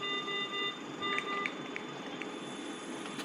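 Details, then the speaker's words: Schiller ventilator during calibration: steady electronic alarm tones, briefly interrupted, over room noise, signalling a low-pressure error that stops calibration from proceeding; ventilator alarm. "अभी देख रहे थे, कुछ देखा आपने? Error आया था, लोअर प्रेशर लोअर का है।"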